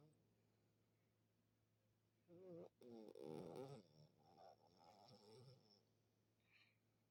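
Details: Sleepy female snoring: after a quiet start, a loud, rough snore with a wavering, squeaky, whistle-like tone, then softer raspy breath noise; unusual-sounding snoring.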